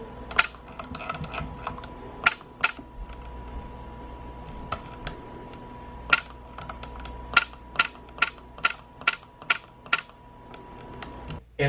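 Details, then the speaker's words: YAG laser vitreolysis in a patient with many vitreous floaters: crisp sharp clicks, scattered then in quick runs, over a faint steady hum as laser pulses fragment the floater material. "a number of favorable things about that is that that material as compared to the cloudy floaters it does respond pretty well to to the laser treatment it's just he had a lot of stuff so the first one will go something like like that"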